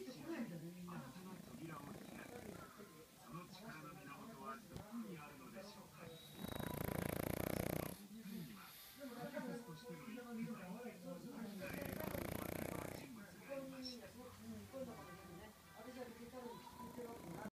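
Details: Pug dog sleeping soundly: loud, rasping snores with television talk in the background.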